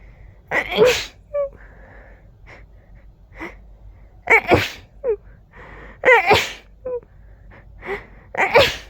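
A run of about four forceful sneezes, each with a sharp explosive burst, and softer breaths and sounds in between.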